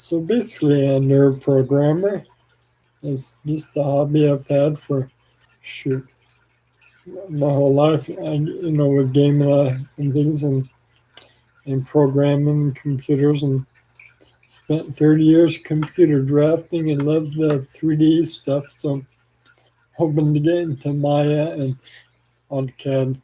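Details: Adult man with ALS, 4 years after diagnosis and 14 years since symptom onset, with weakening arms and saliva and phlegm buildup; slurring speech, possibly hard to understand; dysarthria (ALS)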